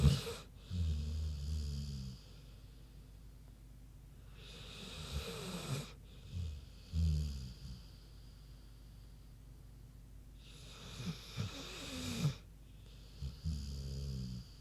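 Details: Low grunting snores alternating with soft airy breaths, slow irregular rhythm of about four to five breaths in fifteen seconds, from Queenie, a big pig, sleeping; snoring.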